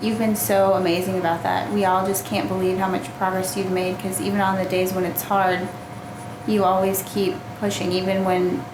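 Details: Adult woman; typical speech.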